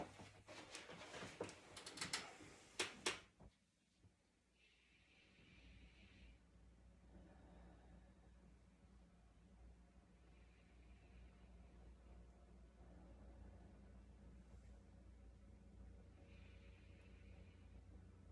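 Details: Normal breath sounds through the stethoscope diaphragm on the chest, patient sitting up tall taking big breaths in and out, left and right sides compared: handling noise, then soft, even breath sounds over a low hum.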